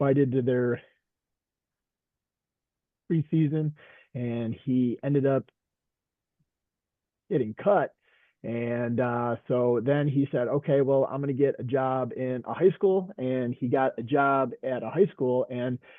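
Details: Adult veteran high school coach and special education teacher who stutters; stuttering.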